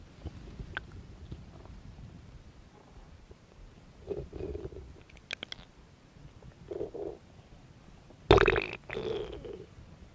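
Soft gurgling and bubbling belly noises in a few short bursts over a quiet hiss; ordinary stomach growling from moving gas and fluid.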